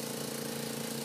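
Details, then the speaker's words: Suction machine running during a tracheostomy suctioning demonstration, intermittent suction for 5 to 15 seconds while withdrawing the catheter; steady motor hum with a rough, airy hiss. "I can suction for 5 to 15 seconds intermittent suction on and off on and off on and"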